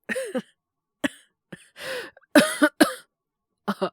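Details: Acted cough (simulated) by a male voice actor playing a boyfriend with a cold and high fever: a run of harsh, throaty coughs and throat clearing, about six bursts.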